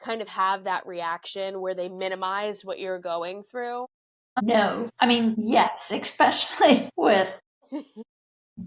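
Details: Adult woman with neurological spasmodic dysphonia of no known cause, with abductor and adductor features that worsen with stress; breathy breaks and cut-off vowels; spasmodic dysphonia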